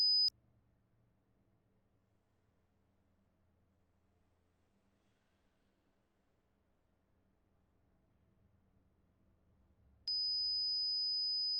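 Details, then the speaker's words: A brief pure-tone beep, near silence, then a sustained steady pure tone through headphones during a simulated (ASMR role-play) annual-checkup hearing test, the listener asked which ear hears the ringing: audiometry test tones. "when it goes on your ears it's gonna you're gonna hear a ringing from either one side or the other side and you try to tell me which side you hear off of okay"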